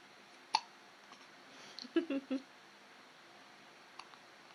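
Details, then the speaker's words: An infant with hiccups: a sharp, abrupt gulping click, then soft infant vocal sounds and another faint click in a quiet room, as a parent asks whether she has the hiccups. "Do you have the hiccups, Mama? Yeah? Do you have the hiccups, Mommy?"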